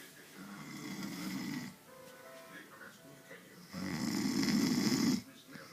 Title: snoring....